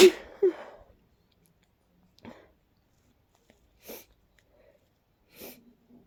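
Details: Big, messy sneezes in a person who felt congested and tickly: two quick explosive sneeze bursts, then a few softer sniffs and breathy noises in a quiet room.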